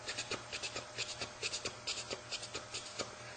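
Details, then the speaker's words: Spoken imitation of a third heart sound with tachycardia for MRCP PACES: a fast gallop rhythm with an added S3, to be told apart from mitral stenosis. "the other thing you might get is a third heart sound uh where you get this pattern with the tech card you make"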